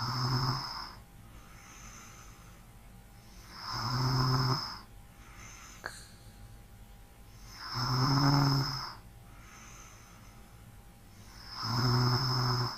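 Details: ASMR relaxation recording of light breathing and steady rumbling snores, about 15 a minute, with soft breaths between and faint room hiss; snoring.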